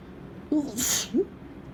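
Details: Sneeze recorded on a warm, dry, blustery peak-summer day: a single sneeze with a sharp voiced intake, a hissing burst of air, then a short voiced sound at the end.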